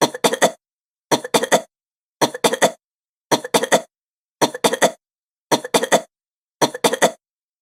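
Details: Woman's rapid coughing from a sound-effect recording: seven evenly spaced bouts of three or four quick, dry coughs, the same pattern repeating about once a second.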